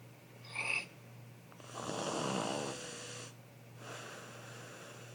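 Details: Two people snoring, filmed by a family member: a short snort followed by two rough, rattling snoring breaths against a steady low room hum; ordinary snoring.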